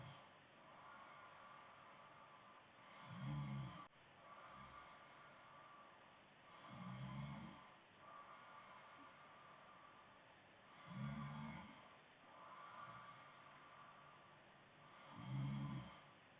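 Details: Girlfriend snoring during sleep: low, fluttering snores on each in-breath, about 15 a minute, with softer airy out-breaths between and a faint steady background hiss.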